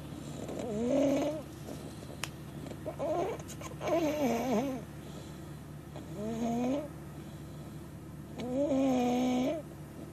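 Soft, squeaky, nasal snores with each breath, about four breaths in ten seconds, over a low room hum: infant snoring.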